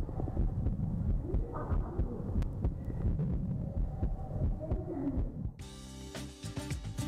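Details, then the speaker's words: Child (schoolgirl) listening to her own heartbeat with a stethoscope-like device and headphones at a science museum: steady heartbeat at about 88 a minute in a noisy room, ending in music; normal heartbeat. "헤드폰으로부터 들려오는 것은 바로 심장박동 소리입니다. 태어난 순간부터 시작된 심장의 움직임을 생생하게 느낄 수 있는 순간인데요."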